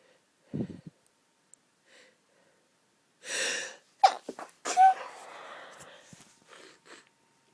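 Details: Stifled sneezing from allergy (sensitive, tickling nose): several short muffled sneeze bursts with a sharp catch of breath before them and a nasal snort, then sniffing; some sneezes fully stifled, some half stifled.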